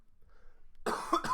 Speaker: sorry guys if you can hear me coughing I'm a little sick